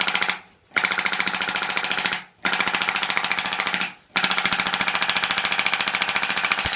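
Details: Extracorporeal shockwave therapy for tennis elbow (thickened distal tendons), pressure about 100–110, high frequency rising to about 14–15: rapid sharp clicking pulses like a fast ratchet, in runs with brief pauses.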